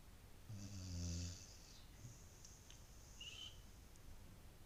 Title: Boris The Beagle Snoring